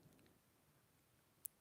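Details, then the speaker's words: A single sharp click in a quiet room from an adult who reports having a jaw disorder, while reading stories aloud: temporomandibular joint click. "Also, like, if you can hear my jaw clicking, I'm sorry. I have a jaw disorder."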